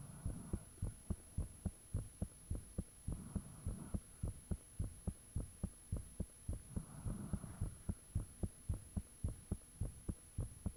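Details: Self-recorded heartbeat with fan off, shortly after the heart began feeling unusually thumpy: loud, fairly regular low thumps at about 107 a minute with steady hum and occasional soft rushing, valves said audible; heartbeat.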